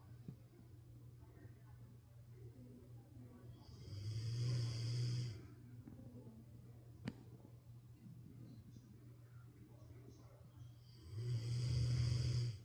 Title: Snoring like he just worked a whole 9-5 lol #pets